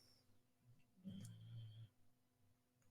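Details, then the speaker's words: Sleeping pet dog snoring: a single low, rumbling snore in a quiet room, ordinary harmless sleep snoring. "can hear the doggy sleeping. That's Mollie snoring."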